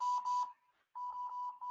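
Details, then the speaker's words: A mechanical ventilator simulator in a teaching class, with respiratory rate capped at 14, gives repeated high-pitched electronic beeping with a short gap: a low minute volume alarm. "prendida la alarma y sigue marcando porque me sigue marcando volumen minuto bajo"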